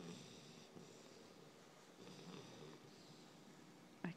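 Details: Snoring in a sleeping 12-week-old Beabull puppy, described as surprisingly loud: soft, low rasping breath sounds with a brief snort at the end.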